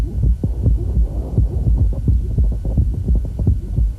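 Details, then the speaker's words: Hypertrophic cardiomyopathy during a hand grip maneuver: heartbeat about 85/min; the short, squeaky mid-systolic outflow obstruction murmur disappears with grip, then comes back. "it's gone coming back you hear that kind of mid-systolic squeak"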